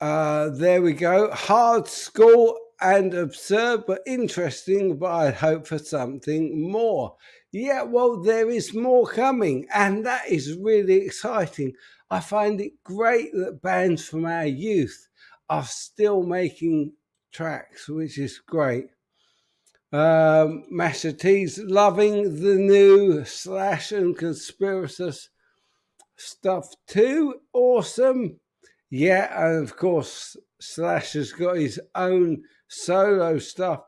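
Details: Adult man with an upper motor neuron disorder affecting speech, progressively more evident and currently worse; real, unacted live speech showing spastic dysarthria (upper motor neuron).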